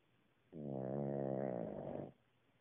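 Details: Cavalier King Charles Spaniel snoring during his nap, as usual; a single drawn-out, buzzing, vibrating snore lasting about one and a half seconds.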